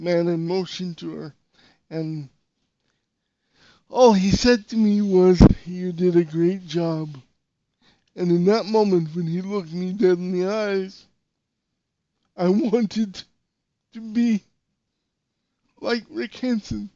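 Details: Dysarthria in a podcast host with severe cerebral palsy, who says he sounded different when he spoke and would sometimes get really tense; real speech, not acted.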